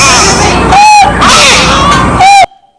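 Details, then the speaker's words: Child with congenital laryngeal web: strained, high, odd-sounding cry with harsh noisy breathing between cries, biphasic stridor. "tiene un web laríngeo congénito vestidor bifásico es una voz que este niño tiene como una voz bien alta pero por lo generalmente la voz está un poco más apagado el llanto está más apagado"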